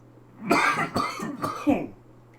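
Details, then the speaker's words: Adult cooking steak, who accidentally pepper-bombed himself, gives three harsh, quick coughs in a short burst, apparently from breathing in pepper steam; cough. "Yeah, there we go. Ignore my smoker's cough."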